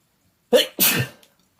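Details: Male sneezing in a bedroom, not feeling well: two sharp, explosive sneeze bursts in quick succession, the second louder and longer, in a quiet room.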